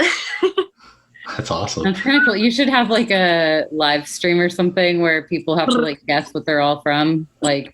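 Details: Adult woman; no speech disorder.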